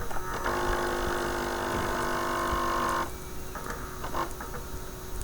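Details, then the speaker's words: Automatic non-invasive blood pressure cuff inflating on a SimCube simulator during low-alarm testing, pumping up high because the previous reading was high: steady whirring pump hum for about three seconds, then fainter clicks and hissing. "and it compressed way up because its last patient was way high"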